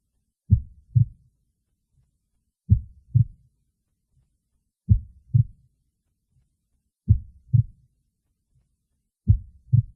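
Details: Heartbeat recording: clear, regular paired lub-dub thumps at a slow rate, about 27 beats a minute, in an otherwise silent recording.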